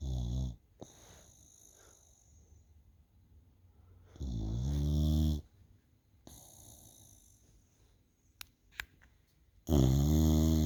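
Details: Loud, low, rumbling snores with long quiet gaps, about 11 a minute, from a sleeping female bulldog; noisy flat-faced snoring.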